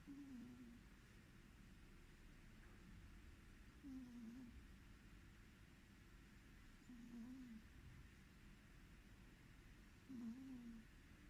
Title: SNORING CAT SOUND VOLUME UP